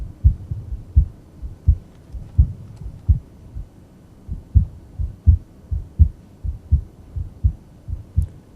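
Regular low heart sounds near 84 a minute, with a normally split second sound heard at the base.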